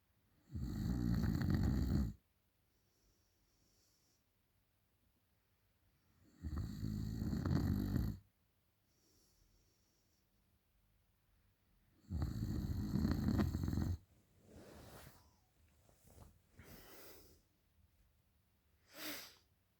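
Three loud, rough snores about six seconds apart, with quieter breathing sounds and a snort at the end; ordinary heavy snoring.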